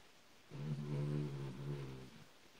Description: Benji male Australian silkie terrier mix, 3 years old rescued from shelter in 2013 having a good nap. #ilovemybenji